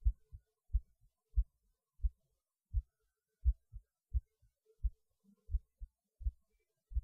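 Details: Soft, regular paired low thumps at about 85 beats a minute, recorded during a pause in eating lunch; the person felt it beating harder, but the rate changed little; a normal heartbeat.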